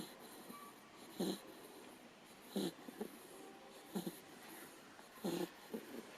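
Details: Four Chinese Shar Pei puppies asleep in a pile after hours of play: soft snorting snores, about 44 a minute, slightly irregular, with a faint wheezy quality; snoring.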